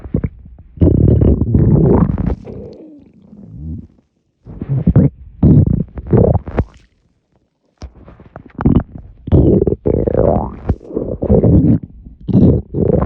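Loud, long, low gurgling rumbles that come and go in waves with brief pauses: stomach rumbling from swallowed air moving through the gut.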